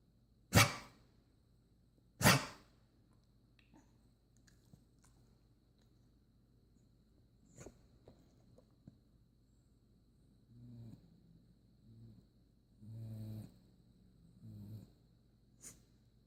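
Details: Dog reverse sneezing: two sharp sneeze-like bursts, then a series of low, honking snorts.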